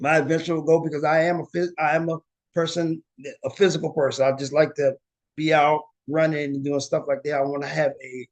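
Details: Aphasia in an adult woman, after a stroke or injury, with word-finding difficulty and paraphasias.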